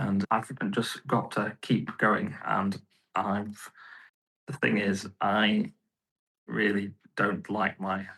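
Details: Aphasia in a male stroke survivor about 15.5 years post-stroke, with right-sided weakness; he originally could not talk and has improved each year.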